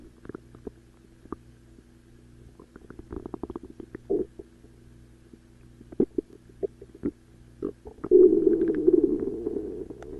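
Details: Stomach growling: irregular low gurgles and rumbles with a longer growling stretch near the end; ordinary borborygmi from gut movement.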